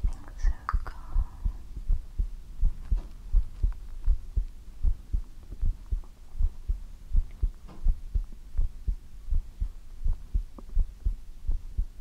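Steady, regular low thumping heartbeat, about 80 beats a minute, with soft room hum.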